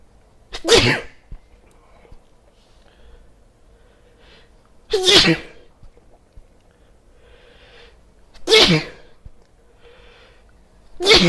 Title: Sneezing with headphones